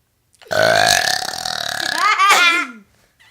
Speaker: We're about to have a burping challenge. She's gonna burp first.